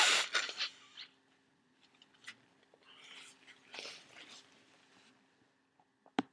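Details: Adult with flu sneezing while congested: a sharp, forceful sneeze, then quieter snuffly nasal breaths and a softer sneeze-like burst.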